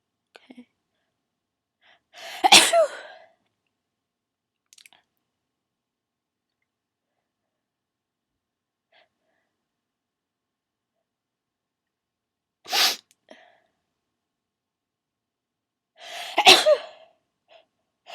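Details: Sneezing fit with stuck sneezes after the person tried to hold them in: three loud, explosive sneezes separated by quiet pauses, with small breaths and catches between them.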